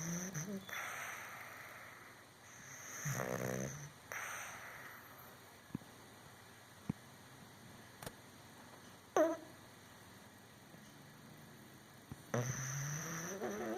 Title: Barley snoring